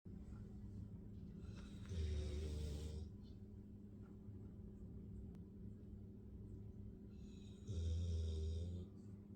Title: doggie snoring